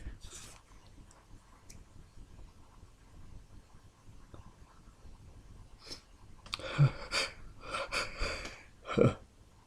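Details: Quiet breathing, then a rapid run of several forceful 'achoo' sneezes in succession; an intense sneezing fit, followed by relief.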